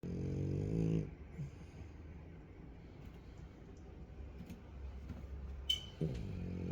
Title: Frenchie snores loudly all the time.